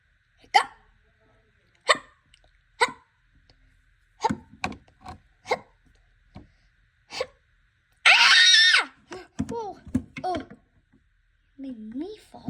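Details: Repeated short, sharp hiccups at irregular intervals from a child, then a loud burst of noise and her voice; hiccups.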